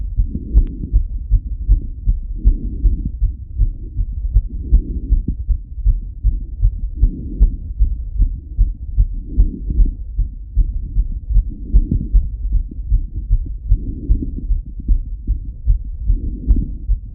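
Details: Male heartbeat over 180 BPM, stethoscope auscultation recorded lying on the left side: fast, regular heart sounds well above resting rate, with faint breathing rhythm swelling in the background; tachycardia.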